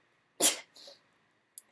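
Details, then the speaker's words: A single sharp, hissy sneeze burst with a brief softer trailing breath from an adult speaking during a live stream; an ordinary sneeze. "excuse me hold on okay I just had a sneeze"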